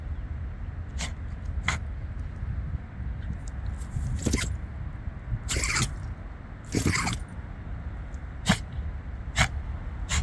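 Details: Female dog that couldn't stop sneezing: a run of about seven short, sharp sneezes over ten seconds.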